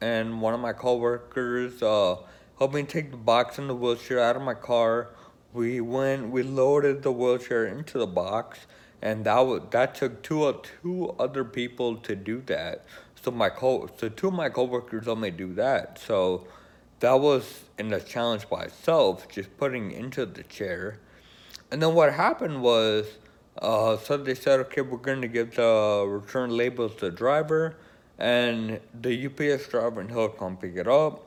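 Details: Male with Friedreich's ataxia who uses an electric wheelchair; ataxic dysarthria (Friedreich's ataxia).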